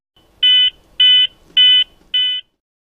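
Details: Zoll X Series defibrillator with Real CPR Help, accelerometer pads: four loud, evenly spaced high beeps about every half second, signalling paused chest compressions.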